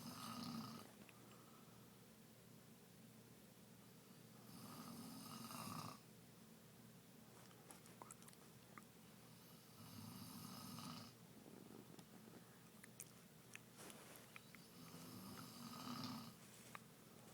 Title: Wife Snoring